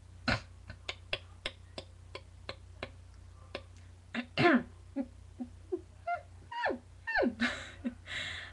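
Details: Woman with Tourette syndrome diagnosed at about age 8, also OCD and ADHD, demonstrating grunting vocal tics she has had since childhood and still has, once mistaken for a speech problem and treated with speech therapy; vocal tics (grunting).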